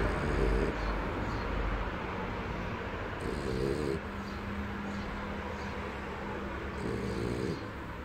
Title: Little Buddy snores like a world champion - Kleiner Buddy schnarcht wie ein Weltmeister